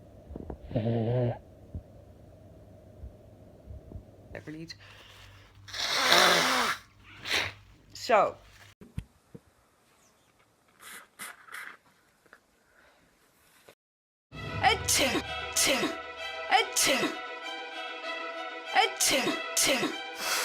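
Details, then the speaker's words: Allergy sneezes and nose blows in a person who says they feel sick and sneezed about five times: breathy bursts and nasal snorts, then a loud, buzzing nose blow; sneezing with nasal congestion. "I sneezed like five times."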